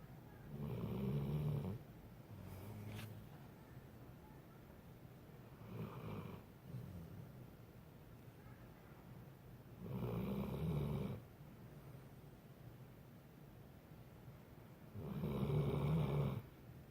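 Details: Sleeping animal said to snore like a person: deep, rumbling snores with quieter breaths between, about every four to five seconds; ordinary snoring in sleep.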